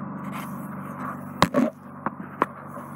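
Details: Endoscopic microsuction with a Zoellner suction probe removing hard, impacted ear wax and dead skin off the eardrum: steady low suction hiss with sharp pops and slurps as wax lumps are drawn in; eardrum afterwards intact.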